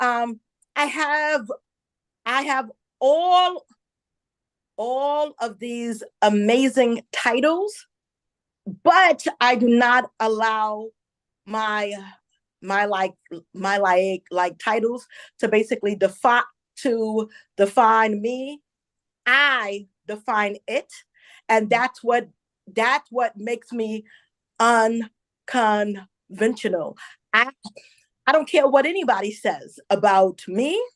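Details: Adult woman who identifies herself as a stutterer and says listeners will hear her stumble on some words; real, self-reported stuttering.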